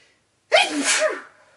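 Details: Boyfriend sneezing into a handkerchief: a single sharp, explosive sneeze, partly muffled at the end; an ordinary sneeze.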